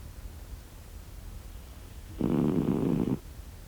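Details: Sleeping cat snoring: one loud, buzzing snore after a quiet stretch; ordinary snoring.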